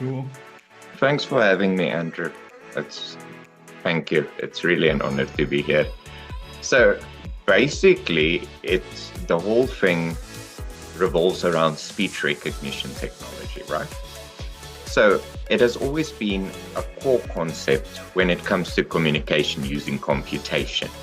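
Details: Adult male speaker; normal speech.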